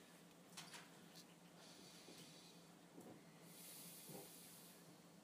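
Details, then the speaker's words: Stethoscope over the trachea during a respiratory exam teaching session, deep breath: harsh, hollow hissing breath sounds of normal bronchial (tracheal) breathing. "the way to listen for bronchial practice bronchial breathing very good is listen over your tra pop your pop your St over your tra yeah take a deep breath"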